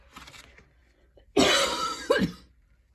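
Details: Painful, choking coughing attack: quiet breathy sounds, then a loud, harsh, effortful cough burst and a second cough, after going to the gym two days in a row.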